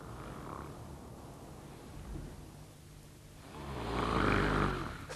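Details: Snoring heard at night in a couple's bedroom, from a 1993 health programme segment on snoring and sleep apnoea and a new NHS snoring clinic in Bristol.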